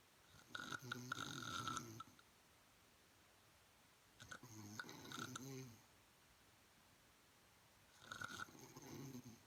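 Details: Three loud snores about two seconds long, separated by quiet pauses; noisy, buzzing breathing in sleep with a vibrating throat. Snoring.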